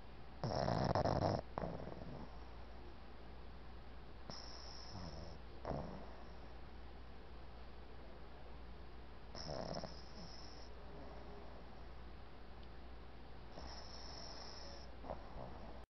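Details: Boston Terrier puppy Petey sleeping, with rattling snores about every four seconds, roughly 14 to 15 per minute, surprisingly loud for a puppy his size.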